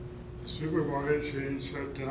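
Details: Speech sample from a person with Parkinson's disease, with reduced articulatory precision and slight breathiness: hypokinetic dysarthria (Parkinson's disease).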